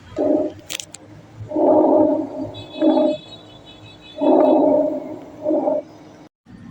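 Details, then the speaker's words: Normal vesicular breath sounds heard over the entire lungs: soft, low breaths at about 22 per minute, with inspiration longer than expiration, over a faint background tone. "जो पूरे lux में सुने देती है इसमें inspiration की sound expression से long duration के लिए सुने देती है यानी इंस्पिरेशन लंबी होती है"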